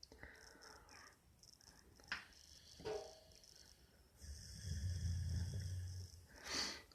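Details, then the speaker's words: Sleeping pit bull puppy gives a loud, low, rumbling breath of about two seconds amid quiet room noise and a few clicks: snoring. "так вот храпят злобные псы. Не заводите питбуля. Пока вы будете спать, он вас съест. Съест своим храпом."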